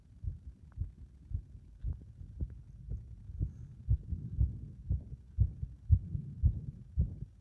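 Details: Heart that becomes unstable under compression: fast heartbeat near 115 a minute with uneven spacing between beats; an irregular rhythm.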